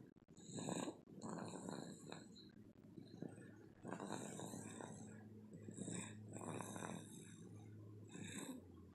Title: baby snoring